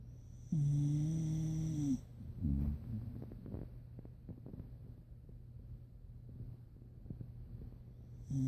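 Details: Pit bull dog snoring while asleep: a loud, tonal, rumbling snore on a long breath, followed by quieter rattling breathing, then the next snore begins.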